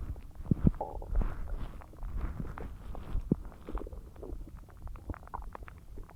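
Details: Loud bowel sounds (borborygmi) from the belly while a huge meal digests: low gurgling and rumbling with scattered pops and bubbling.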